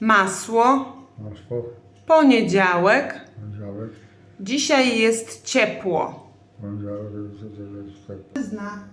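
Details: Polish-speaking patient in neurorehabilitation speech therapy, doing a word and short-sentence repetition exercise; aphasia.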